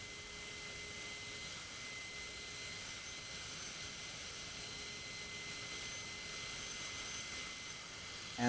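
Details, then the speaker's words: Steady high-pitched whine with hiss and water spray of a high-speed dental handpiece during veneer preparation on molars and premolars: initial finish line and cervical preparation, bur kept parallel to the cervical surface. "there will be initial Finish Line and cervical preparation so you have to keep your bear really parallel to the surface that you prep"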